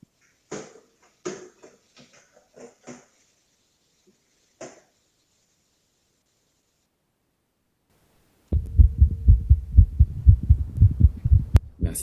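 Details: Remote heart auscultation with a teleconsultation-kit stethoscope in a live demonstration on a volunteer who had just run. Placement clicks, then a fast, regular heartbeat of about 120 beats a minute; fast heartbeat.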